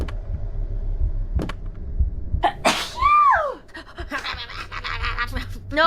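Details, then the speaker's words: Single loud sneeze with a sharp intake before it, over room noise and voices, one of three sneezes during a live stream; sneeze. "Thank you for the blessings, though. All right, we'll save here. I got to Oh my god, I've been sneezing."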